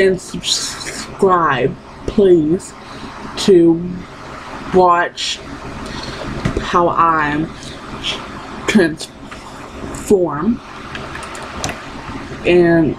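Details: Woman who has stuttered her entire life and still stutters despite speech therapy; finding: stuttering.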